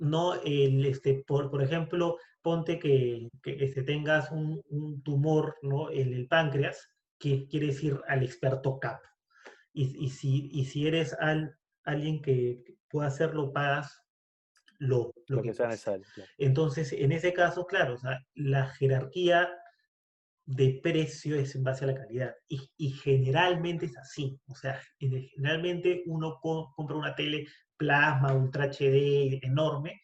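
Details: Spanish-speaking person who stutters, in a conversation between two people who stutter about stuttering variability; stuttering.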